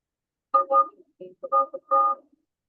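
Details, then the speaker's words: Simulated cochlear implant hearing: speech distorted to sound as heard through a cochlear implant, with short buzzy, robotic bursts and flattened pitch, used as a listening-test stimulus. "All right, that is what speech through a cochlear implant sounds like."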